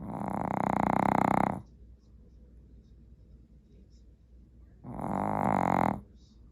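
Two long, buzzing, rattling snores separated by a quiet pause, with a low hum in the background.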